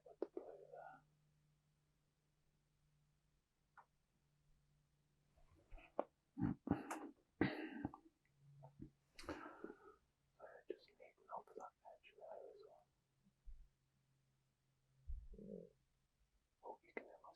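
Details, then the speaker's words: Stomach rumbling (borborygmi) from an adult shortly after lunch: soft low gurgles and rumbles among quiet room sounds, consistent with digestion. "can hear my stomach going again there. I've just not long had lunch, so it's probably just processing that."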